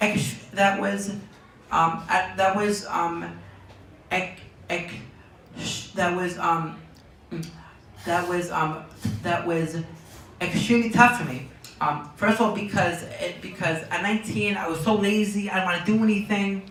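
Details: Young man diagnosed with Tourette syndrome at age four, speaking in an interview; speech with word and phrase repetitions (Tourette syndrome).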